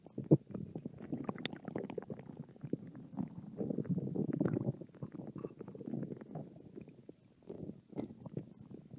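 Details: Hungry young women's stomach growling: soft, continuous low gurgling and rumbling with small crackly pops throughout; ordinary bowel sounds from hunger.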